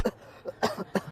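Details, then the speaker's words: Acted comedic cough by an elderly father: quick series of about four short, voiced cough bursts in a small room. "अरे बाबू जी तुमको भी खांसी आने लगा। हां बेटा बहुत ज्यादा खांसी आने लगा।"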